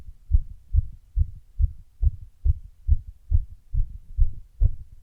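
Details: Heart sounds after running, with an arrhythmia appearing partway through: a fast heartbeat of about 140 per minute, mostly regular, with some beats louder and slightly uneven; tachycardia with intermittent arrhythmia.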